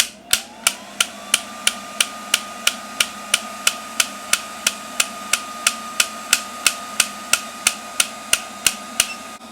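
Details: Extracorporeal shockwave therapy (ShockWave Pro, MTS Aesthetics) self-applied on the elbow preset with a flat tip, the thumb slightly tender: sharp, evenly spaced tapping clicks, about three a second, over a faint tone.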